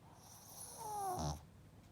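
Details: Pug, a flat-faced dog, snoring loudly while sleeping: a single loud, rattling snore in a quiet room.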